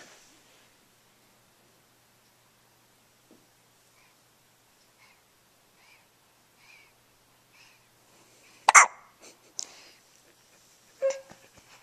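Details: Dozing pet recorded on a Flip Video camcorder gives faint, evenly spaced little chirps about one a second while falling asleep: sleepy hiccups.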